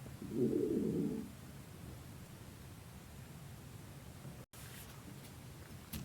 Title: stomach growling (Vol. 6)